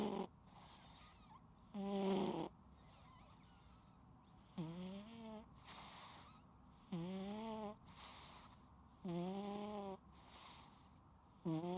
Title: 失眠有救！聽完一起睡著🐱貓主子全程療癒鼾聲～無剪輯可愛記錄|My Cat Snoring LOUDLY 😴 Unedited Video of The Cutest Sleepy Sounds